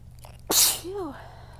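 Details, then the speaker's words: A single strong sneeze from a fit of sneezes that hurt and burn the throat despite a low pollen count, assumed to be from the weather change: a short in-breath, then a sharp, forceful sneeze with a brief voiced trail. "Ow. These are hurting my throat. These hurt my throat like bad."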